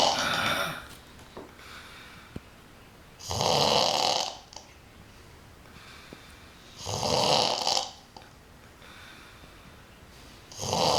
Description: Her 18th Birthday, slightly drunk, and this is a regular thing...she snores like a Grandpa